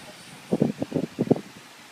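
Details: Shih Tzu dog snoring while asleep.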